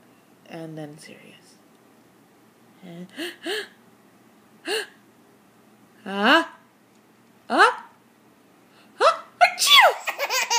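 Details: Sneezing bout: several short gasping build-ups with rising voiced cries, then a burst of explosive sneezes; sneezing.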